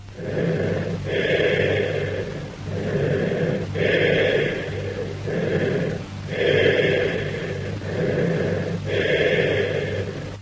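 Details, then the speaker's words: Teaching recording of breath sounds: loud, hollow, blowing breath sounds in steady cycles, as over a lung cavity; cavernous bronchial breath sounds. "Cavernous bronchial breath sounds."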